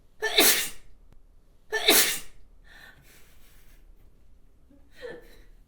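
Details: Staged recording of a model sneezing: two forceful, wet spray sneezes in quick succession, then a softer third burst after a short pause.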